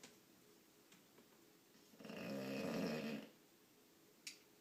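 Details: A bulldog snoring: one drawn-out, low, rumbling snore in a quiet room; snoring in a short-nosed dog.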